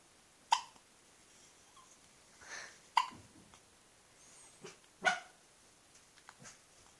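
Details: A dog gives three sharp, jerky hiccups a few seconds apart, with soft breathing between them; hiccups.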